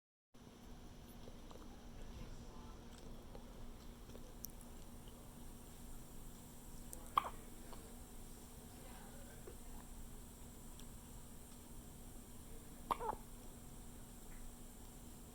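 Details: Hiccups: two brief, sharp gulping catches about six seconds apart over a steady low room hum.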